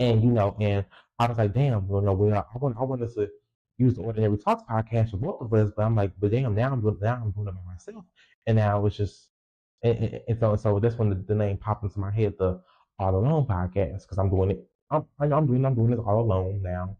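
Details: Stuttering in a 20-year-old female podcaster who reports a lifelong speech impediment, real unedited speech with repetitions of words and sound parts.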